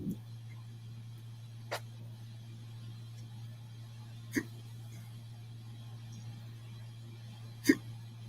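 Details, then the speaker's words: Four brief, sharp, soft hiccups spaced several seconds apart over a steady low hum, from a man talking during a live TV-show watch party, said to have been eating good; hiccups. "Got hiccups over there, man? Yeah, Been eating good."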